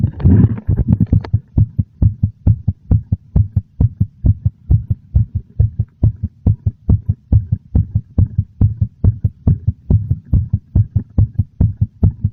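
Strong, regular low heartbeat thumps at a slightly quick pace, heard loudly throughout.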